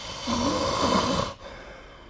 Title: 🐽 いびきの音 / Snoring Sleep Sound 2025/05/28